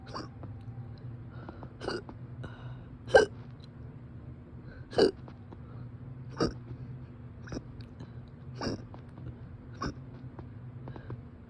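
Repeated sharp, abrupt hiccup sounds at irregular intervals, about eight in eleven seconds, over steady low background hum.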